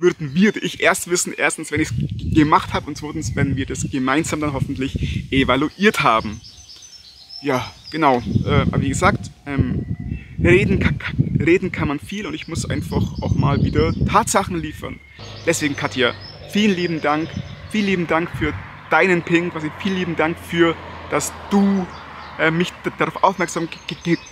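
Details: Stuttering in an adult German-speaking man who stutters.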